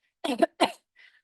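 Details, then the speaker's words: Voluntary cough: a deliberately produced cough by a pulmonologist, demonstrating that coughing can be made at will, not just as a reflex. "can make myself cough so it's not just a involuntary reflex there's a much more to it and you can also exert voluntary control to change the intensity of your cough or to suppress your cough"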